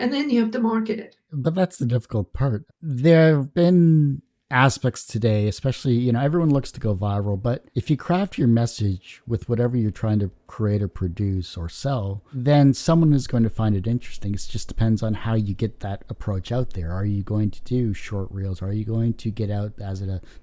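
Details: Adult male speaker; normal speech.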